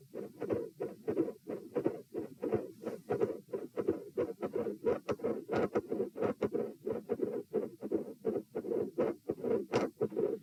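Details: Auscultation stress test recorded at position T while the patient lies, sits, stands, then lies again: midsystolic murmur with a split S2 and murmur around S2.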